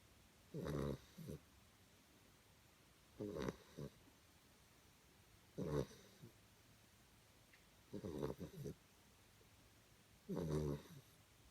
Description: Puppy snoring sleeping after his play .sure there is nothing good than watching a happy puppy sleeping 😍